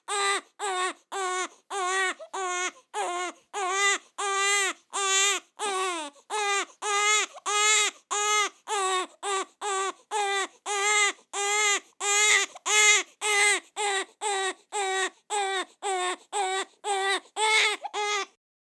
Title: Newborn Baby Crying Fast and Hard Sound Effect